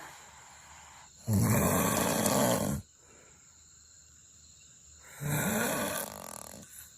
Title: I snore softly sometimes. Someone once asked me if I could control my snoring 😬😬#snoring